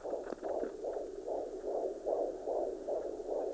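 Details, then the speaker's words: Fetal heartbeat on handheld Doppler at 24 weeks of pregnancy, probe with jelly on the right side of the abdomen near the suspected fetal shoulder: rapid, regular whooshing beat at about 150 per minute, normal fetal rate. "right away, we found the fetal heartbeat sitting there at a nice 150."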